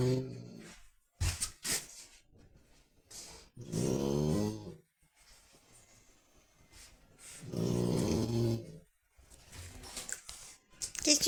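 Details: Dog snoring while asleep: loud rattling inhaled snores alternating with softer exhaled puffs roughly every four seconds in a quiet room; snoring.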